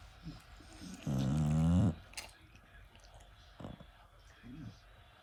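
One loud, low, droning breath sound lasting about a second among quiet breathing and room noise: snoring.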